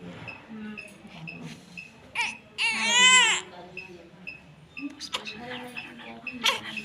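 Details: Newborn delivered by caesarean section (LSCS) gives a brief, high-pitched wailing cry among room voices and steady monitor beeps; a normal first cry at birth.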